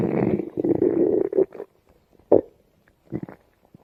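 A long low gurgling rumble, then short bubbling pops, heard close against the belly: ordinary stomach growling.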